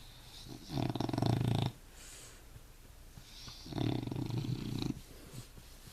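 Slow, rumbling snores from a sleeping cat, two long noisy breaths about three seconds apart, roughly 20 a minute.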